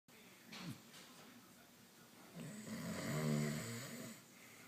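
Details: In a family snoring contest including a dad, a faint snort is followed by a long, low, vibrating snore with a rattling quality: snoring in sleep.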